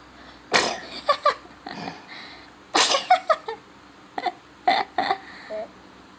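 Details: Several sharp, explosive sneezes in bursts over about six seconds, with short gasps and giggly sounds between them.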